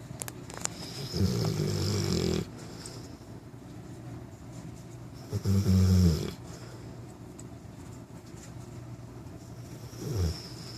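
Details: 9-month-old Newfoundland puppy napping and snoring: three loud, deep, rumbling snores at slow, uneven intervals, about fourteen a minute, over faint room noise.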